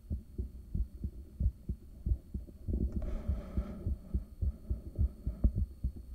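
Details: Resting heartbeat recorded with a home ultrasound device in the early morning, shortly after waking, caffeine and morning meds. Steady, strong, regular whooshing thumps at a not too high rate over a low hum, with a brief hiss midway; normal.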